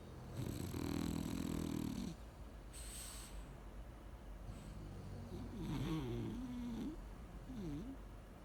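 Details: Two sleeping dogs snoring together: loud, rattling snores that overlap, with rising and falling pitch and steady background noise.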